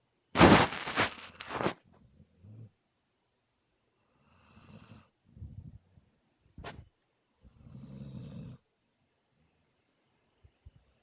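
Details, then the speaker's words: Snoring kind of loud during a nap: soft, irregular snoring and snuffling breaths after a brief loud noise, with a person speaking quietly nearby. "You having a good nap, sweetheart? Yeah. Mm, yeah. You're snoring kind of loud. I'm trying to watch something, baby."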